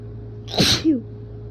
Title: Strong wet rapid sneeze and nose blow